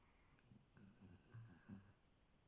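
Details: Basil, a sproodle (small dog), asleep on owner's lap: soft, low snuffling snore sounds in a quiet room; snoring.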